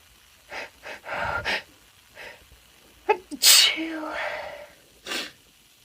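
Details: Quick inward breaths build up to a loud explosive sneeze, then a second shorter burst from a female: ordinary adult sneezing.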